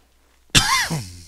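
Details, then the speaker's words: An adult man with a very sore, dry throat gives a single abrupt cough or throat clear with a brief voiced tail; cough. "you may hear that every once in a while I apologize now uh you're probably going to hear it a couple more times because my voice is my throat is very sore and dry"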